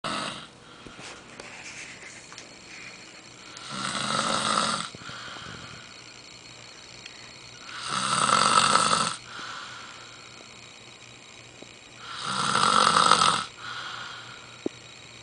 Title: general snore